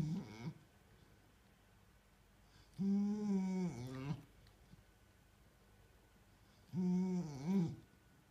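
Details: Mini bull terrier snoring: loud, droning snores on each breath, about 15 a minute, with quiet gaps between; snoring.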